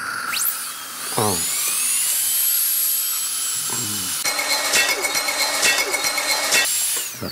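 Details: High-pitched whine of a dental drill rising and falling, then a rapid stuttering buzz, with suction in use during dental work.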